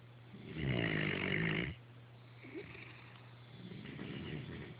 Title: Genetic links to snoring.